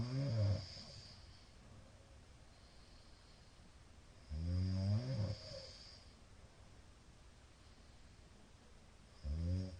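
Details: Sleeping middle-aged man, recorded 2022-04-17; loud, deep, rattling inspiratory snores, about 13 per minute, with quiet pauses between them; snoring.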